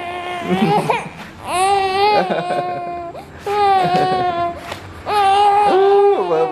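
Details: Baby crying: three strong, sustained wails, each at a clear, steady pitch, separated by brief breaths and short pauses; infant crying.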